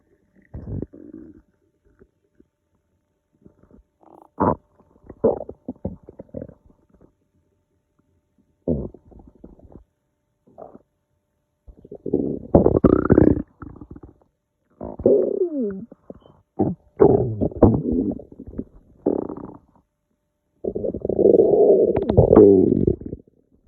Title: Hungry stomach noises